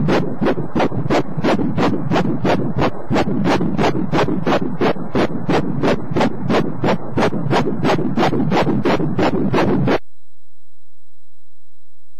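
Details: Fast, regular whooshing Doppler pulses at about 166 per minute; normal fetal heartbeat on Doppler, rate described as normal for ten weeks.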